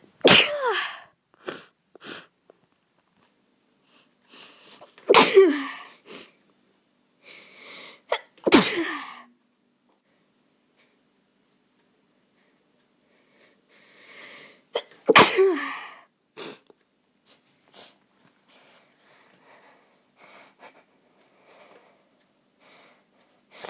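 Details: Four sharp, explosive sneezes several seconds apart, with sniffs and quiet breaths between, from a person who caught a cold and is sick; sneezing.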